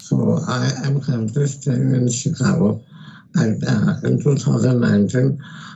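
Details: Adult male, pre-treatment recording before voice therapy: dysphonia from left unilateral vocal fold paralysis after neck cancer treatment and partial tongue removal.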